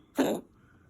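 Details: Sick pet dog, apparently named Tango, still coughing around 1:20 a.m.; ribs thought sore from coughing, vet visit planned: a single short, harsh cough with quiet room noise around it.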